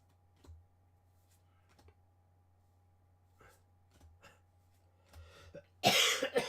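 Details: Quiet room hum and faint handling clicks, then one loud, harsh cough burst near the end with a brief rasp, from an adult recovering from a cold; ordinary cough.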